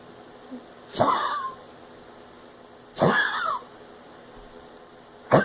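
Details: A pug gives three harsh, hacking coughs in about five seconds, as if trying to bring something up; several vets have not found the cause.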